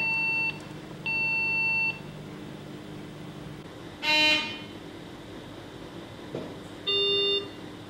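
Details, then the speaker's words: Electronic beeps and tones as an anesthesia machine is switched on during routine checkout, after low-pressure leak test with circuit selector back in closed-circuit mode; normal power-on start-up signal. "At this stage, you can turn the machine on."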